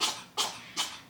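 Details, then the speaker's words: Cat with allergies sneezing; sneeze. "and my cat has allergies so you probably hear the poor little guy sneezing you okay little fella"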